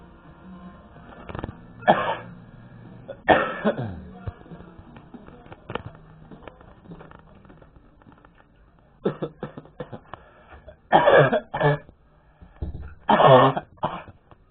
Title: Epic cough